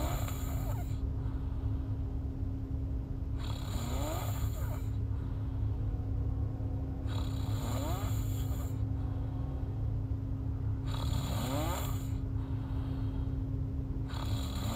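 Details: Snoring in a sleeping girl: rhythmic rough, rattling inhalations at about 16 breaths a minute, under a steady low hum.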